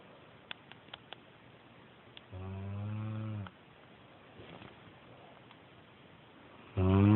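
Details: Loud heavy snoring during sleep around 3 a.m.: two loud, deep, rattling snores on breathing in, separated by a quiet stretch.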